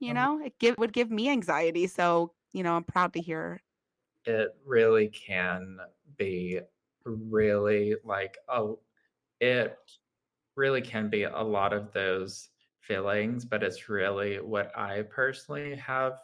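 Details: Adult man with lifelong childhood apraxia of speech, a neurological motor speech disorder; childhood apraxia of speech.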